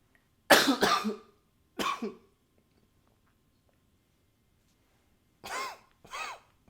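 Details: Coughing recorded with a new high-fidelity microphone: about five harsh coughs in two clusters, the last two with a brief whistling edge, separated by quiet pauses.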